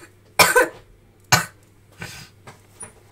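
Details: Cough from a person whose voice is failing.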